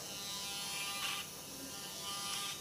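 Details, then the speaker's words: Arthroscopic motorized burr shaving bone spurs and smoothing the acromion (acromioplasty) in a 45-year-old right-hand-dominant woman with a work shoulder injury and previous rotator cuff surgery; steady high-pitched motor buzz. "And now we're going to use a motorized burr to take down and clean out some of the bone because the shaver is thus not able to achieve that."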